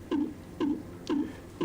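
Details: Simulated fetal heart rate from a CTG training simulator's monitor playback: regular whooshing pulses at about 120 beats per minute, a normal rate.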